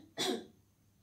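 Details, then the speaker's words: Simulated chest physiotherapy for a pneumonia case study: patient breathes in and forces exhale with mouth and throat open in the coughing technique, giving one short, forceful voluntary cough to clear the airways. "and for the next beating technique which is called the coughing technique i will also ask you to beat in again paul and force the exhale with your mouth and throat open"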